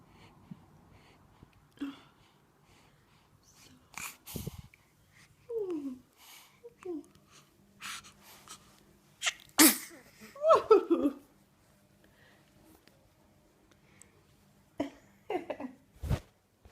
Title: Hilarious baby sneeze!